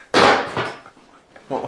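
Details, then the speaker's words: Chiropractic drop-table pelvic adjustment for sacroiliac joint complaint with slightly short right leg; loud sharp bang then a second thump as the table section drops under a pelvic thrust. "we're gonna do some drops lifting up"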